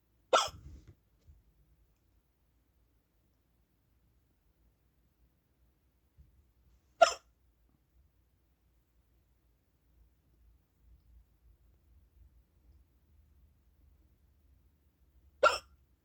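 Three abrupt, sharp hiccup sounds spaced several seconds apart, about 9 a minute, in a quiet room.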